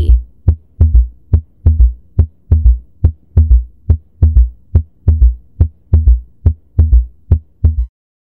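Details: Third heart sound (S3) heard at the third intercostal space, right sternal border: regular low heart sounds near 72 a minute with a soft extra thud after the second sound, an S3 gallop.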